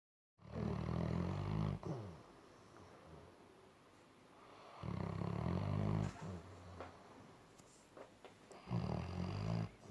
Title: Labrador sleeping and snoring